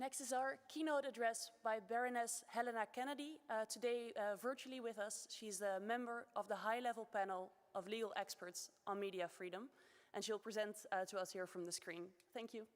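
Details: Adult woman speaking; Normal speech.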